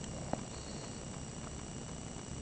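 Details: A 3-day-old newborn gives a single soft, abrupt hiccup over steady low room noise.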